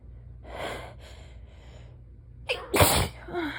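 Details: Adult about a week into a cold-like illness (not COVID, per the person) sneezing: a few sharp inward breaths build up, then one forceful sneeze.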